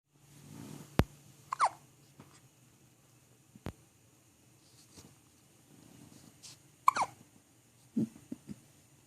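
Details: Hiccups: short, abrupt hiccup-like chirps recurring irregularly among clicks and faint breathing in a quiet room.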